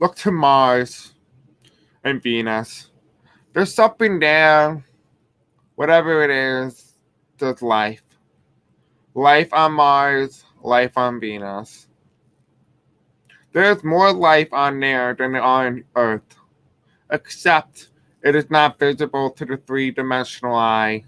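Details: Male speaker who reports having a deaf accent and difficulty pronouncing certain words: deaf speech.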